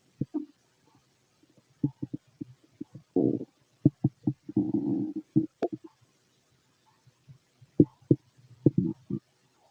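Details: Ordinary stomach growling heard by stethoscope over the abdomen of a fit adult male: irregular clusters of gurgles, pops and a longer rumbling stretch with quiet gaps; normal bowel sounds.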